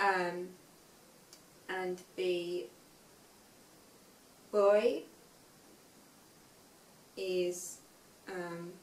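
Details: Aphasia in a young woman five years after a stroke at age 18, reading aloud an unseen text; reading has been hard for her since the stroke.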